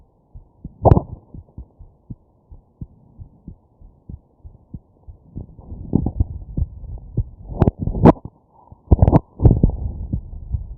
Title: Heartbeat with hiccups